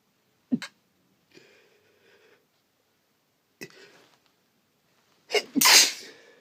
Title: First sneezing video!